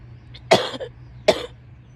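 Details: Two sharp, separate dry cough bursts from an adult woman, each with an abrupt explosive onset and a short rough tail, over faint room hum: cough.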